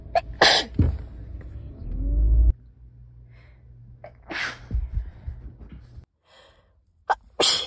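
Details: Several sharp, forceful sneezes, some with a drawn-in breath before them, recorded before the sneezer was sick; ordinary sneezing.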